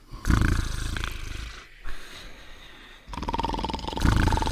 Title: Cartoon Dog and Potsworth Sleeping and Snoring Together